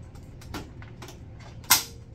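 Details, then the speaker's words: PCA pump setup: soft handling rattles, then one sharp click as the PCA channel module snaps onto the Alaris IV infusion pump, confirming it is secure. "you should hear a click make sure it's secure"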